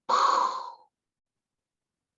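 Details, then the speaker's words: Vocal imitation of a new soft, blowing aortic regurgitation murmur, louder at the right than left sternal border, in a patient with chest pain radiating to the back and hypertension, suggesting aortic root disease. "listen along the right sternal border if it's louder you've cinched the diagnosis so i'm listening on the left sternal border and i'm listening to this now i go to the right startled border and i hear"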